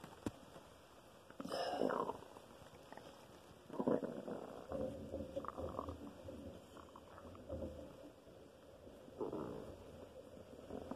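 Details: Loud gurgling, rumbling stomach noises in several drawn-out bursts; ordinary bowel sounds (borborygmi), louder than on other days.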